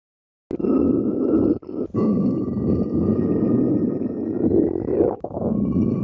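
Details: Stomach growling: a long, loud rumbling growl with a few brief breaks.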